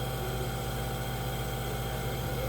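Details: Child with flu and cough being given throat steam inhalation: steady low mechanical hum and hiss of a running nebulizer, with no breaks.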